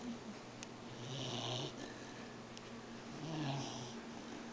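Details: Sleeping pet snoring while lying on a companion: soft rhythmic snores, about two breaths per second apart, in a quiet room.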